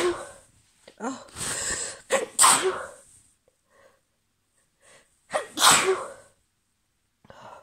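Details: Female allergy sneezes, about 5 minutes after an earlier sneezing fit: several sharp, explosive sneezes, each preceded by a quick intake of breath, separated by quiet pauses.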